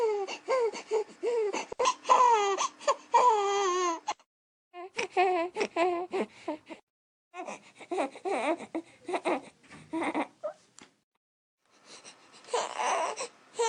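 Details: Infant discomfort ("heh") cry, described as different from pain crying with a panting, gasping quality: short, breathy, wavering cry bursts with pauses, a fussing discomfort cry.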